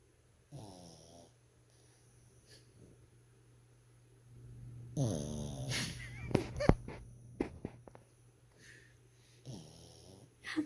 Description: My pug snores so hard! LOL